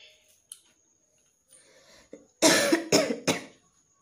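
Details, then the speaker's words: Adult with a persistent tickly throat, coughing worse at night and while working, now with a hoarse voice and pain on coughing: three forceful, dry coughs after a quiet throat sound; irritated cough. "আর কাশতেই ভালো লাগছে না, একটু আগে চা খেতে হবে, গলাটাও বসে যাচ্ছে। তারপর কাশলেও এগুলো পুরো ব্যথা করছে, ভালো লাগছে না।"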